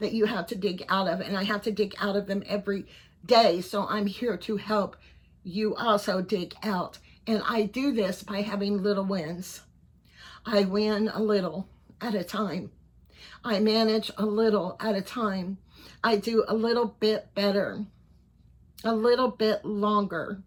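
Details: Voice tremor in a 55-year-old man; his neurologist is unsure whether he has Parkinson's disease, cervical dystonia or both. Tremor in voice, head and hands began around January 2024 and has worsened. He is treated with carbidopa-levodopa and neck Botox.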